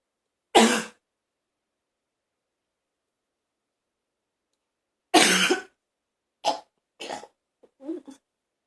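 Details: A single harsh cough, then a longer rasping cough and several short retching gags, recorded in a bathroom while feeling close to vomiting.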